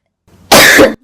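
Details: Adult speaking in a gaming commentary coughs once, a single forceful, harsh cough preceded by a faint intake of breath; cough.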